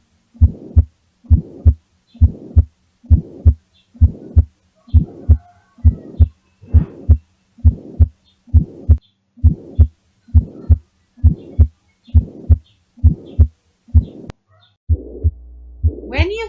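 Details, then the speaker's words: Systolic ejection murmur: first heart sound, then a blowing murmur, then the second heart sound, regular rhythm near 67 a minute; at right upper sternal border indicates aortic stenosis, at left upper sternal border pulmonary stenosis. "so this is how it sounds so you hear the first heart sound before the blowing sound then the second heart sound so when you hear this murmur located at the right upper sternal border it is aortic stenosis in the left upper sternal border it is pulmonary stenosis"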